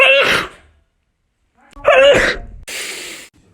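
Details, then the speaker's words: Person having a sneezing attack, attempting to sneeze with eyes open: two loud sneezes, each with a sharp in-breath then hissing breath out in a small room; repeated sneezing, neck strained afterward. "It's Christmas Eve and I'm having a total sneezing attack. Why do you guys enjoy these videos? That was my attempt of sneezing with my eyes open."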